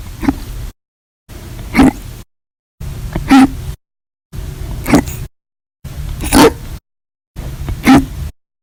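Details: Six short, abrupt, evenly spaced gulping hiccups, about 40 a minute with silent gaps, audio only; repeated hiccups.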